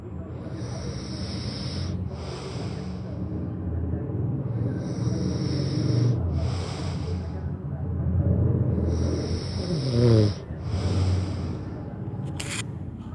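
Repeated low, rattling snores with each breath, about five breath cycles over the recording, with a steady background hum; snoring.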